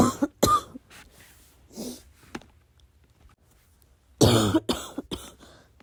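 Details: Late-night coughing fit kept quiet: bursts of muffled, held-back coughs with throat clearing and quiet breathing between them, suppressed so as not to make too much noise.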